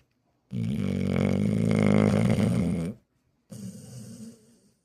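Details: Male sleeper snoring: one long, loud rattling snore lasting over two seconds, then a shorter, softer snore; described as very loud snoring.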